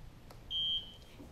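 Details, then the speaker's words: One short high-pitched electronic chirp in a quiet room, with the indicator light lit: a CARE-ASSIST med-surg bed exit alarm set to its most sensitive mode for a high fall-risk patient. "will hear one chirp indicating the bed exit is set you will also notice the light next to that icon is illuminated"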